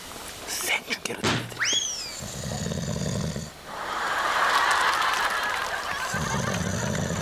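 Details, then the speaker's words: A man asleep at 4:44 a.m. is filmed snoring, with low rattling snores on in-breaths and long noisy out-breaths; a whistling sound effect is added near the start. "카메라에 드릴 테니까 코 고는 모습을 찍어주십시오."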